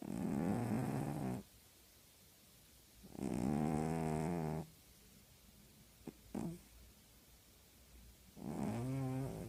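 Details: Female tabby cat snoring loudly while asleep: slow, rattling snores each lasting about a second and a half, with quiet gaps between them.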